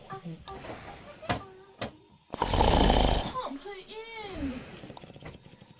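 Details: Loud, harsh, rattling snore lasting about a second between softer snorting breaths in a sleeping man (owner's husband); ordinary heavy snoring.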